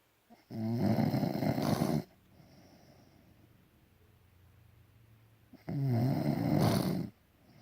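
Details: Adult partner snoring: two long, loud, rough snores about five seconds apart with quiet breathing between. Snoring.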